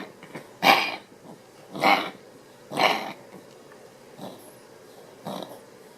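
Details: Reverse sneezing (reverse sneezing syndrome) just after waking from sleep: repeated loud snorting inward breaths through the nose, each about a second apart and fading.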